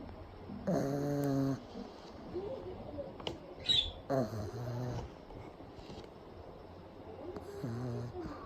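Loud, rough snorting snores from a sleeping small flat-faced dog, in irregular bursts with quiet room noise between.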